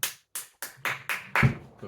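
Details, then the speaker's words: Four sharp rapid claps then brief voice sounds from an adult woman with Tourette syndrome in the evening, with syncope and possible pre-seizure signs; clapping motor tic. "It's all right, Willow. Just mommy ticking. Sorry, Willow."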